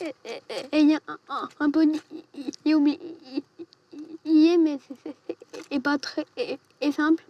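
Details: Stuttering in an 11-year-old boy, present since early childhood (about age 6); speech laborious; parents' treatment attempts so far unsuccessful; real footage.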